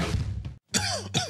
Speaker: cough doesn't sound so good.